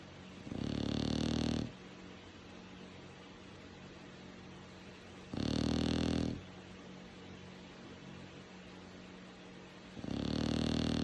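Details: Sleeping dog: three low, rumbling snores on inhalation, about one every five seconds, with quiet pauses between; snoring.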